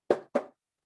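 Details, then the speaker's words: A single normal lub-dub: two short, knock-like thumps. S1 is the closure of the tricuspid and mitral valves and S2 the closure of the semilunar valves. "what you're actually hearing are these 2 heart sounds, the S1 and the S2."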